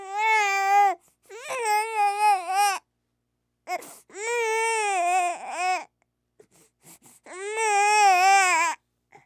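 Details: Baby crying sound effect: repeated loud, clear, sustained wails with quick gasping breaths between them; ordinary vigorous infant cry.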